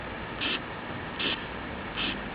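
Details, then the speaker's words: Simulated carotid bruit on an auscultation training simulator, stethoscope placed on the neck: rhythmic whooshing bursts about 75 a minute over steady hiss, with no heart sounds. "that there are no heart sounds just a brewery"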